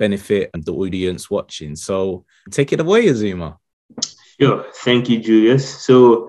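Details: Adult male speakers, podcast; typical speech.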